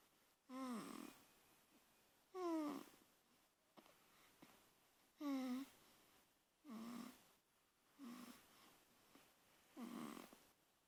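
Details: A child sleeping, with regular breaths and a high whistling, wheezy snore on each breath; noisy breathing in sleep (snoring).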